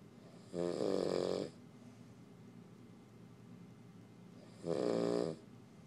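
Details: Male sleeping in the dark when tired: two long, rough, rattling breaths about four seconds apart in a quiet room; snoring.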